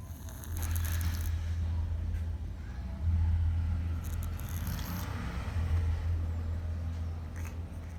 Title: a cat who snores a lot 😂😂😂